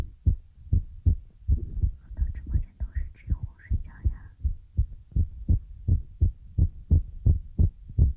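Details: Heartbeat sound in an ASMR relaxation recording: steady low thumping at about 80 beats a minute, with a short soft whispered voice partway through.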